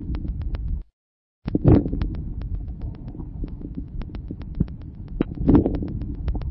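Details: Early inspiratory crackles: a few brief crackles localized at the start of each inspiration, characteristic of severe bronchial obstruction.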